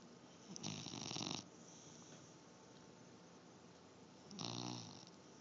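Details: Two drawn-out rattling snores about four seconds apart in a quiet room; snoring during sleep.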